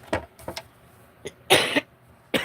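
An adult gives a couple of short, harsh coughs between quiet tapping and handling noises.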